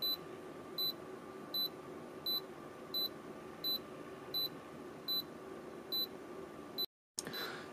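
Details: Fingertip pulse oximeter beeping as it starts reading after a finger is placed in it: short high-pitched beeps at about 80 per minute, with faint room hum.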